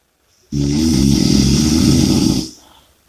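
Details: One long, loud, rattling inward snore lasting about two seconds, followed by quiet breathing; snoring.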